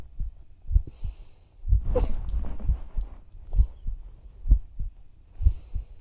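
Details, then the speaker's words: Female ASMR roleplay, listener's ear on her chest while lying together whispering: soft, low paired heartbeat thumps, roughly 64 a minute, with some rubbing noise; normal heart sounds. "だからその代わりたくさんの心臓の音を聞いてほしいな。"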